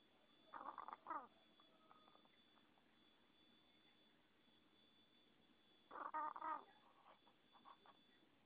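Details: Chicken: two brief rattling, gurgling bursts about five seconds apart over a steady background hum; noisy respiratory rattle of airway disease.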